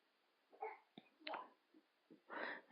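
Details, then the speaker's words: Short snorting, sneeze-like bursts with brief catches between, against a quiet room; a baby described as coughing and sneezing but still chirpy and not too sad. "you can hear my poor baby coughing and sneezing and it's still quite chirpy not too sad"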